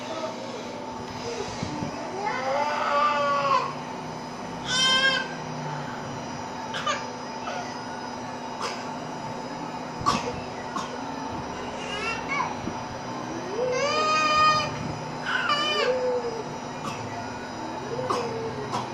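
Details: Child crying in short bouts, with brief sharp cough bursts between them, over a steady background drone; crying with cough.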